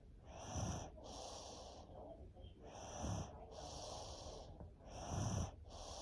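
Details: Snoring in a sleeping child ill for over a week with strep throat and a head cold: noisy, snorting inspirations and hissing expirations, about 27 breaths per minute.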